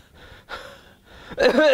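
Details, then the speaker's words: Imitated cough preceding asthma: an adult makes a short cough and breathy sounds, then a loud, strained, musical wheezing breath. "so the cuff that is preceding the asthma in case of cassia sophera so that's also very interesting"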